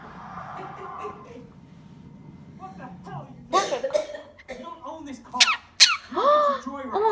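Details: Quaker parrot mimicking a human cough (imitating owner's mother) on request: short, sharp, squeaky cough-like bursts, not illness.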